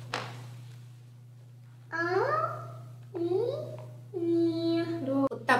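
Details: Five-year-old girl with rhinolalia: no cleft of hard or soft palate, weak soft palate muscles and incomplete velopharyngeal closure during phonation, in speech therapy, answering the therapist; hypernasal speech (rhinolalia).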